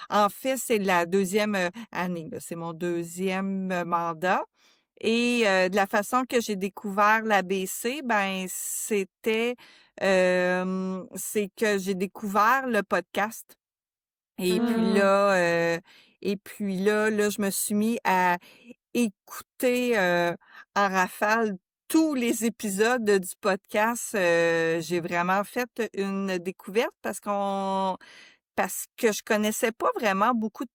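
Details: Adult woman who stutters, a member since 2015 of an association for adults who stutter; stuttering.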